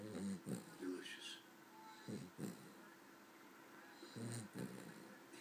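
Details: Short, irregular snorting snores, some breaths quicker and paired, from a small female Cavalier dog asleep after a long day, with quiet room noise between; snoring.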